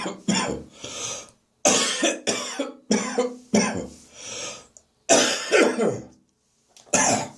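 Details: Adult's productive morning cough: a run of loose, wet coughs and throat clearing, still bringing up catarrh (phlegm).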